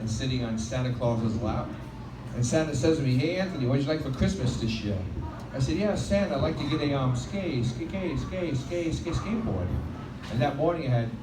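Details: Stuttering in an adult male comedian performing live on a microphone, who says his stuttering sometimes eases on a microphone.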